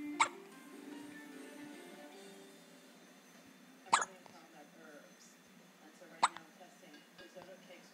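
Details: Hiccups in a girl: three short, sharp hiccups a few seconds apart over soft background music.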